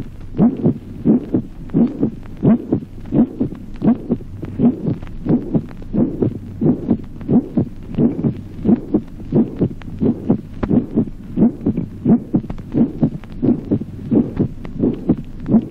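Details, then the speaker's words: Resonant first heart sound: regular heartbeat near 88 a minute, some isolated first sounds carrying a ringing, musical timbre. "Resonancia del primer ruido. Timbre musical exultante de algunos primeros ruidos aislados."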